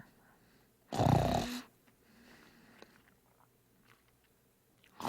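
One coarse, rattling snore about half a second long breaks a quiet room, followed by soft breathing; ordinary snoring.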